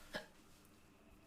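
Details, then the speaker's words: Streamer who says they feel tipsy and that their hiccups keep coming back; a single abrupt, sharp hiccup, then quiet room noise. "딱지질 나오니까 내일 올게요."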